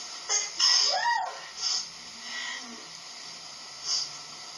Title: Sneezes Pt.10